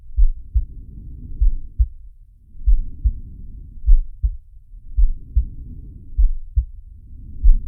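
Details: Animated cartoon shark character's heartbeat and breathing sound effect: paired lub-dub heart sounds at about 50 beats a minute with soft rising and falling breaths between; heartbeat with breath sounds.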